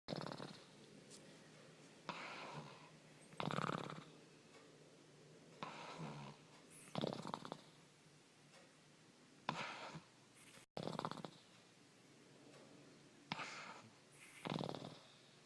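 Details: Snoring during sleep: soft, raspy snoring breaths repeating about 17 times a minute, some with a faint whistle.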